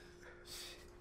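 A single brief, sharp gasp-like catch of breath, quiet against a faint room hum: a hiccup.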